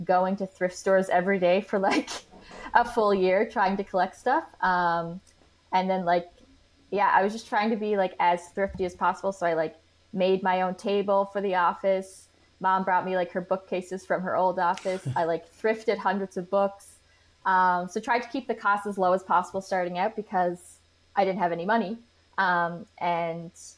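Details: Adult woman; typical speech.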